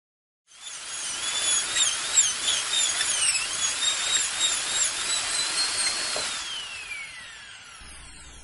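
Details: Dental drill: steady high-pitched whine for several seconds, wavering slightly in pitch, then winding down; a sound that can trigger dental anxiety.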